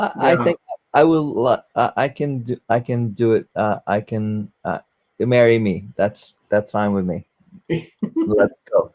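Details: Aphasia in a 44-year-old man after a stroke during heart valve surgery, with loss of use of one arm.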